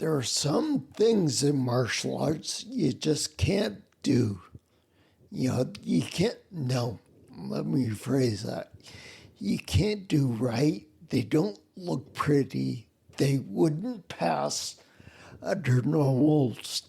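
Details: Ataxic dysarthria in a male with spinocerebellar ataxia, a rare neuromuscular disease, also with mobility and balance problems; slurring began while working, sounds drunk, and makes phone conversations difficult.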